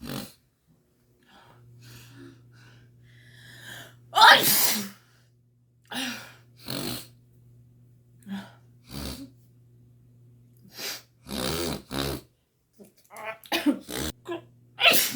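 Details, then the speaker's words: Sneezing fit during an allergic rhinitis attack in a woman: about eight loud explosive sneezes with gasps and groans between, over steady hum; she reports sweating, shortness of breath and an itchy throat. "Ai meu Deus gente eu fico para não viver tipo assim eu fico muito agoniada parce que eu vou ter um treco de tanto que eu espirro"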